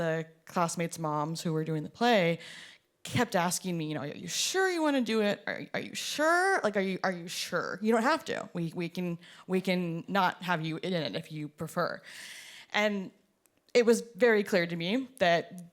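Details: Performer who stutters, speaking at a showcase of artists who stutter; audible repetitions; stuttering.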